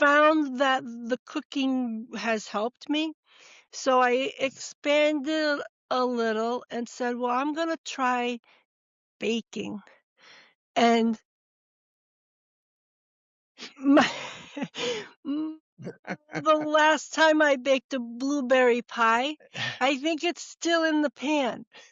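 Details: Woman, former educator of 30 years, with TIAs following atrial fibrillation and cardioversion, real speech: expressive (Broca's) aphasia.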